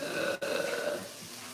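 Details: A long, loud, rumbling burp with a brief break, then trailing off; an ordinary belch.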